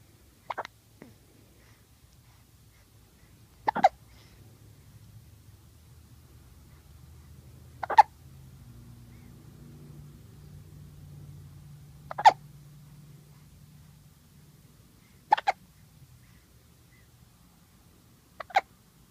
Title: Cutest hiccups ever